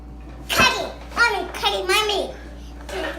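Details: Infant (baby boy) who put pepper on his food makes a few short, voiced pretend sneezes, playful imitations rather than real reflex sneezes: imitated sneeze.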